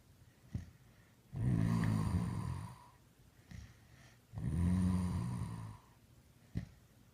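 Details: Sophie snoring, recorded spring 2015: deep, rumbling snores on breaths in, about three seconds apart, with short snuffling sounds between them.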